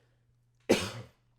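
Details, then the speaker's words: Adult man during a podcast gives one short, dry cough, then says his throat is dry; dry cough from throat irritation. "God, my throat is dry."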